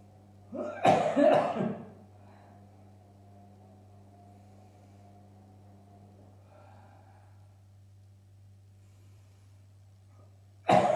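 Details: Two short, harsh coughs, then a third after a quiet stretch: dry cough on about day 23 after first COVID-19 symptoms, with persisting shortness of breath, during exercise in recovery.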